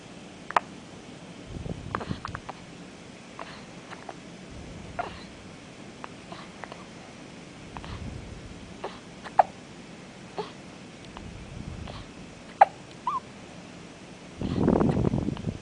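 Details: Hiccups: small, sharp hiccups repeating irregularly over about fifteen seconds, with rustling and a louder strained noise at the end as she poops.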